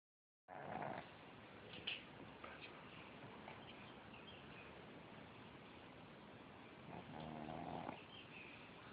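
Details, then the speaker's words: Old dog making snoring-like breathing noise continuously, even when awake: steady, low, rattling breath sounds with louder, rough snorting phases at the start and near the end. "This is non-stop. Even when the dog's awake, it makes this noise."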